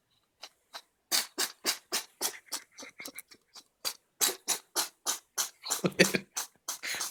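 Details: Cat with a cold sneezing repeatedly: a rapid run of short, sharp, hissing bursts, about two dozen in seven seconds; sneezing.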